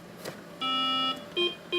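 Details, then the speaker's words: Quiet room, then a sustained electronic tone and repeated short beeps from a haemodialysis machine alarm in a self-care dialysis unit, signalling that the dialysis fluid canister needs changing; the kidney failure patient troubleshoots it himself. "the canister that provides the dialysis fluid just needs changing over so sometimes an alarm will go off and he has to troubleshoot and determine if any parameters on the machine need to be altered to continue dialysis"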